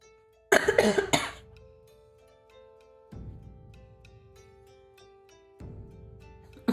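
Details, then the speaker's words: A brief run of harsh coughs close to the microphone from an adult with a cold who says they are getting better, over soft background music. "Sorry, I'm like coughing into the mic if you guys hear that."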